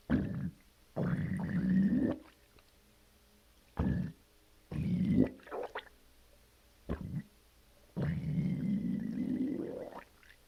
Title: Stomach Growling so satisfying right after push brown. Namaste.